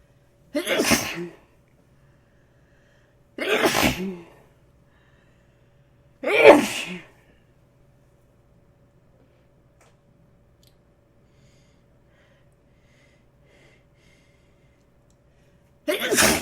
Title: Rapid Sneezing